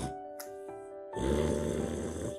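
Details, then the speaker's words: Demonstration of snoring from a blocked nose, contrasted with tongue-obstructed airway snoring after tooth-extraction orthodontics: a single harsh, rushing snore breath over soft background music. "코가 막힌 코골이는"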